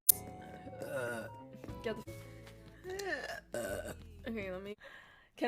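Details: Several drawn-out, voiced gulping belches over loud background music and some talk; repeated burping recorded 09/04/2020.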